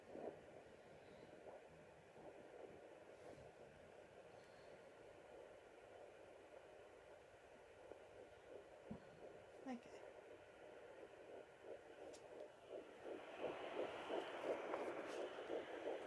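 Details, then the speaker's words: Fetal heartbeat at 10 weeks of pregnancy in a plus-size mother, on a Sonoline B home Doppler: fast, regular galloping pulses through hiss, roughly 170 per minute, much faster than the mother's own whooshing heartbeat. "So that is the baby's heartbeat. As you can tell, it's a lot faster."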